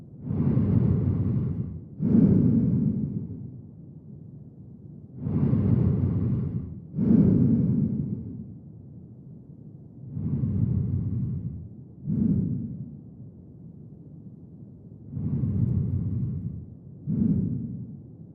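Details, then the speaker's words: Harsh, rough, vibrating breaths in paired in-and-out cycles, about 12 a minute; biphasic (inspiratory and expiratory) stridor, suggesting a fixed upper airway obstruction, typically glottic or subglottic. "Tracheal cancer inspiratory and expiratory bifphasic strider suggests a fixed obstruction typically glottic or subglottic."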